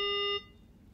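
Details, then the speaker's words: Ventilator low-pressure/disconnect alarm on a Datex Aspire anaesthetic machine during a routine machine check: the patient bag is disconnected, the ventilator attempts a few breaths, then a single short pure electronic alarm tone sounds. "the ventilator will attempt to deliver a few breaths and then the alarm should sound"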